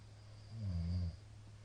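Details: Sleeping middle-aged man, recorded 2022-04-17; a single deep, low, rumbling snore lasting about half a second over a steady low room hum; snoring.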